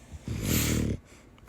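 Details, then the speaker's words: Sleeping puppy, American bully: a single low, rattling snore of about 0.7 seconds with a coarse fluttering buzz; snores like this all night. "This [ __ ] snores like a grown ass man."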